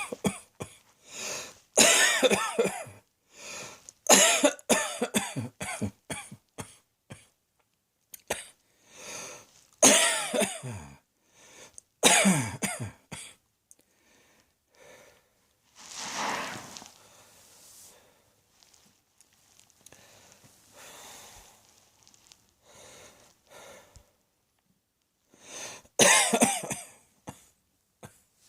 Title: Cross Dressing Coughing 63